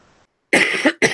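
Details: Cough from an adult recovering from an illness, still coughing with a runny nose on the first day of feeling better: a dry cough.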